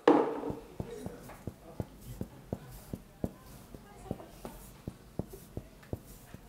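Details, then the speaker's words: Chest percussion in a resident of a nursing home for Huntington's disease: about eighteen crisp, hollow taps at a steady pace; a normal resonant note, all air-filled. "It all sounds nice and hollow, it all has air in it."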